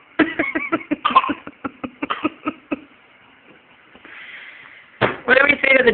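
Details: Young child makes a quick run of short, voiced pretend coughs for fun, then vocalizes playfully.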